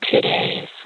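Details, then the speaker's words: Cochlear implant simulation of an anxious-sounding speech sample ("It takes two days"), showing how emotion is hard to detect through a CI, heard by a user of 23 years; compared with the original recording. "Pangalawang halimbawa. Ito ay dapat na balisa."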